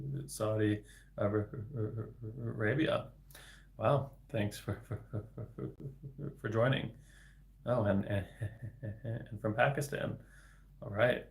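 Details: Adult man, a speech-language pathologist, with developmental stuttering, speaking spontaneously in a livestream; word repetitions audible; finding: stuttering.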